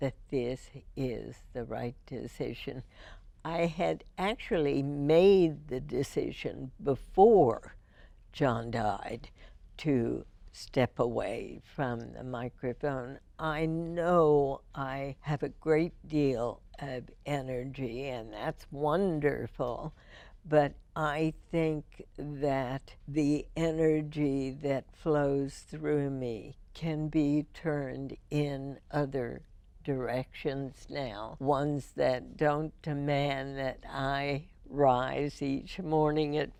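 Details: Adult female with spasmodic dysphonia, first diagnosed in 1998, treated every four months with botulinum toxin injections into the vocal cords; spasmodic dysphonia.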